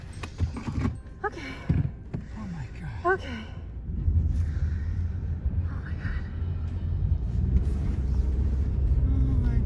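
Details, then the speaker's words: Sick cat with fever, vomiting, diarrhoea and rapid heavy breathing like an asthma attack, suspected coronavirus, home after an emergency vet visit, meowing loudly and repeatedly; he normally never meows. "he's just meowing a lot right now I've never heard him yell like this because he doesn't meow oops"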